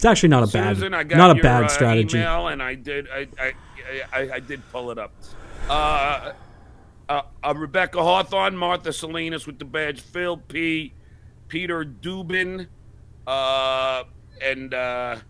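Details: Adult man known for his stutter, speaking on a podcast; several repetitions of 'i' are heard; stuttering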